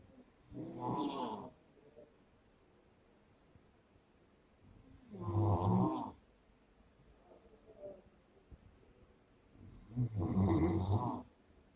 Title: The sound of snoring during sleep